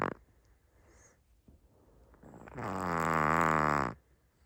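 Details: Chihuahua snoring louder than most humans: a long, loud, buzzing, moan-like snore on one breath, preceded by quieter breathing; snoring.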